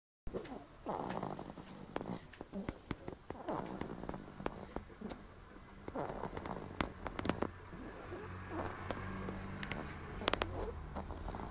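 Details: Irregular snorting, fluttering snore sounds with soft clicks and noisy breaths in a quiet room: snoring.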